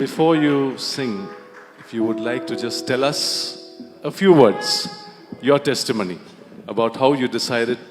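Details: Adult male host; Normal speech.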